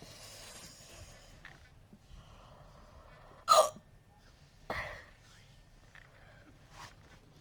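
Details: Two sharp, abrupt, gulping catches of breath about a second apart with faint breathing between: hiccups in an uncontrollable attack that followed a bout of burping.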